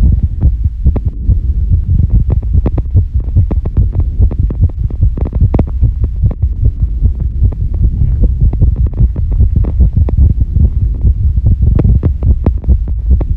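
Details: Female heartbeat after squats and during recovery: rapid, strong low thumping with a steady throb underneath; a normal heart working hard after exercise.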